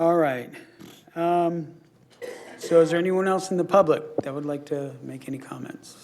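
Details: Adult speaker; typical voice.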